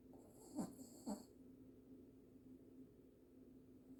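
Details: Sleeping dog snoring loudly: two short snorting breath sounds over a steady room hum. Snoring.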